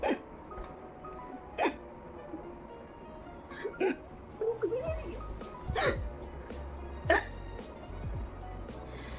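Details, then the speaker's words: Woman with sudden, very strong hiccups: several short, sharp hiccups at irregular intervals over background music. "एकदम से हिचकी आ रही थी तो मैंने सोचा फटाफट वीडियो बना लूं, नहीं तो हिचकी अब बंद ना हो जाएगी। बहुत ज्यादा तेज हिचकी आ रही थी तो मैंने फटाक से लेके बैठ गई कैमरा।"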